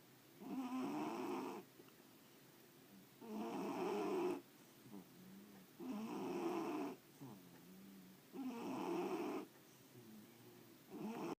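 Repeated throaty, vibrating snores with quieter breaths between, about 23 breaths a minute, with a faint steady room hum: snoring.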